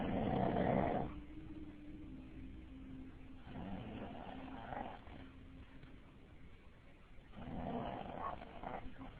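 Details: A person still snoring, part 2: loud, rough, rattling snores roughly every three and a half seconds, about 17 a minute, with a faint whistling tone between them, heavy snoring.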